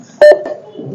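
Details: Short electronic beep from a UMS C12 multiparameter patient monitor as a button is pressed in demo mode, with quiet room noise.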